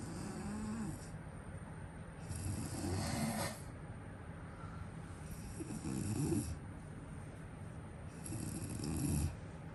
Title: snore Zzz 😴